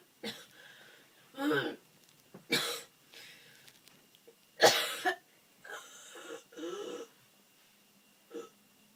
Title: Colds (Cough)